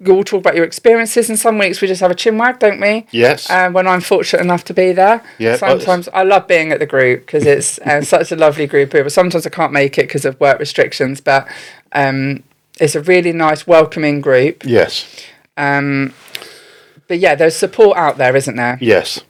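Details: Adult woman speaking; typical speech.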